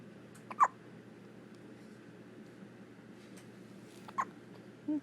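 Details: A newborn infant on his 2nd day of life with his first hiccups: two short, sharp, voiced hiccups about three and a half seconds apart over quiet room noise.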